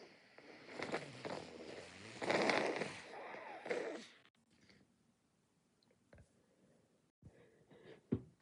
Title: stifling & nose blowing, with a chance of sneezing